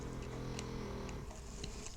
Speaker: can you hear Rocky snoring